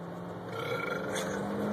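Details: Man burping deliberately on demand, recorded on an Android phone: a drawn-out, low, rumbling belch lasting under two seconds.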